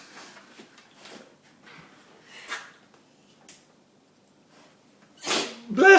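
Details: Dog Hobbes during a sneezing fit: soft sniffs and snorts in a quiet room, then a sharp, explosive nasal sneeze near the end.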